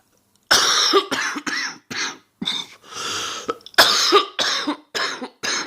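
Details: Adult woman with a common cold coughing about nine times in quick succession, harsh and slightly rough.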